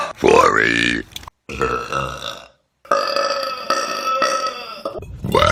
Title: Best Burps On Youtube || #20